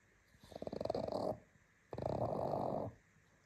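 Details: Sleeping pug snoring: two noisy breaths, a fluttering rattly inhalation followed by a rough exhalation.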